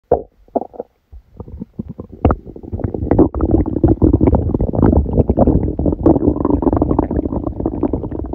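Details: Stomach rumbling recorded while sleeping with a stomachache after Christmas dinner: loud, continuous gurgling and rumbling with bubbling bursts, active bowel sounds.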